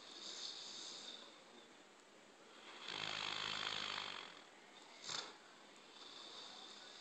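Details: Soft breathing, then one long, rough, fluttering inhaled snore and a brief snort afterward: snoring.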